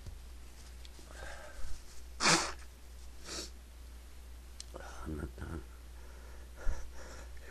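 A single sharp, explosive sneeze burst, with a softer sniff-like sound after it, against low room hum and faint background voices.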